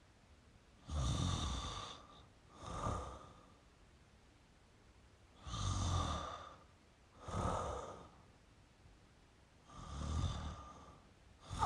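Slow, noisy sleep breathing, a rough in-breath then a softer out-breath, about 14 breaths a minute: snoring.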